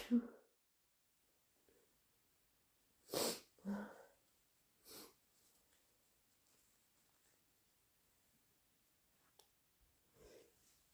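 Several abrupt, explosive bursts through the nose and mouth with brief sniffing between them, in a quiet room; repeated sneezing.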